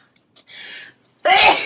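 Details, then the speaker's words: A woman's single forceful sneeze: a soft, airy intake hiss, a pause, then one sharp, loud, explosive burst. "wow Bless you that's what it sounds like when I sneeze"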